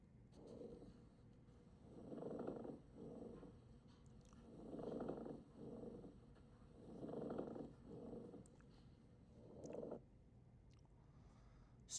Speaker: Plural rub is like rubbing your stethoscope against cotton. You're going to hear this sound. It's an inflamed plural surface rubbing against each other.